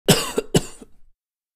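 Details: Two short, harsh coughs with no mucus rattle, probably from an adult male recorded while sick; dry cough sound effect.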